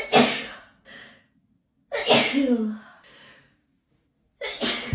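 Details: Hay fever sneeze attack, edited loop: three forceful sneezes, each a sharp intake then explosive burst, part of a repeated sneezing fit attributed to pollen.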